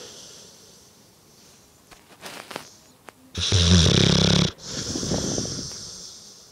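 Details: Two English bullmastiffs lying on a sofa snoring: a loud snorting, rattling snore, then a softer wheezy breath over room noise.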